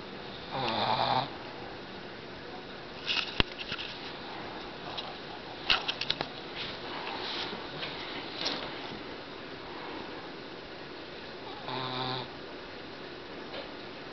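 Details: Short, snorting snores with sniffing and rustling between them in a quiet room, from a Boston Terrier fighting off a nap; snoring.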